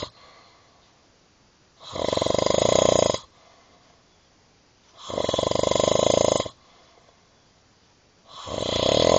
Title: Crazy snoring